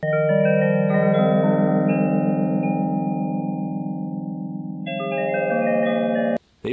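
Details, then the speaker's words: Widex Zen fractal-tone tinnitus therapy sound from a hearing aid program: chiming tones, melodic and musical compared with other masking noises. "ये भग्न स्वर अधिक मधुर होते हैं और कुछ अन्य शोरों की तुलना में, संगीतमय ध्वनियाँ सार्थक होती हैं"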